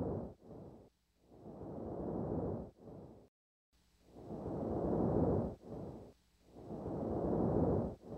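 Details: Vesicular breathing of increased intensity in a patient with pneumonia consolidation: loud, soft rustling breath sounds with long inspirations and shorter expirations without a pause, about 25 breaths a minute.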